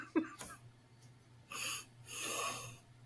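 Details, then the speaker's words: Podcast speaker with sinus congestion, possibly allergies or something caught: two hissing, slightly whistling, nasal stuffy breaths picked up by the microphone. "no you're good cuz I can't breathe problem so it's been a while allergies yeah I think I have a sinus congestion thingy"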